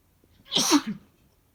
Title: Bf’s strong sneezes (m)